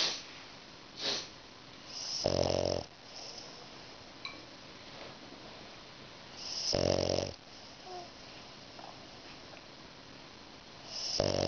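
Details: A French Bulldog snores loudly with its eyes open while lying between its owner's legs: buzzy, rattling snores, three in about 11 seconds, roughly 14 breaths a minute, with quiet room noise between.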